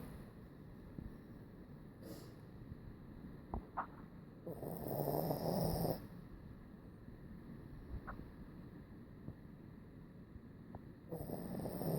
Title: Charlie snores like old man